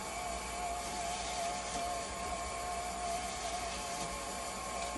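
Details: Haemodialysis machine re-run after replacing its pressure transducer with one from another machine, to fix high/low conductivity alarms and a low flow error: steady mechanical hum with a faint whine.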